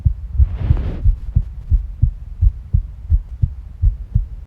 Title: 胃の中と心臓音 Stomach and heart sounds